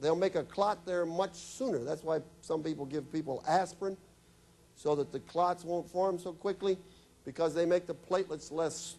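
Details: Adult male speaker; normal speech.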